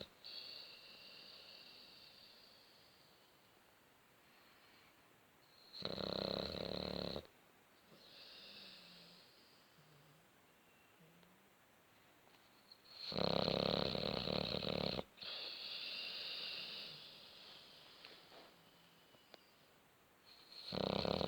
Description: snoring boxer half covered 😁